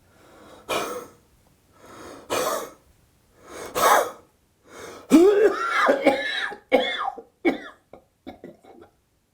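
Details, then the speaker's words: Demonstration of huff coughing for home sputum collection, breathing out deliberately, quickly and forcefully: three forceful, open-throated, breathy huffs followed by several ordinary coughs to clear the lungs. "To do a huff cough, you need to deliberately, quickly, and forcefully breathe out, making a huffing sound."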